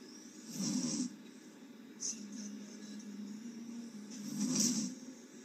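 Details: Adult woman sleeping with her mouth open on a livestream, snoring: raspy open-mouth snoring breaths with a hissing exhale over room noise.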